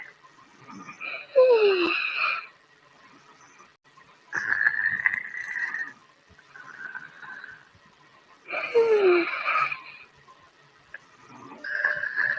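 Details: Snoring during sleep in a quiet room: a slow breathing rhythm of about 15 breaths a minute, each breath ending in a whistling, squeaky nasal snore.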